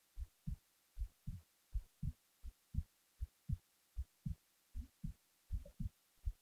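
Steady paired lub-dub thumps at about 78 beats a minute: a normal, regular heartbeat.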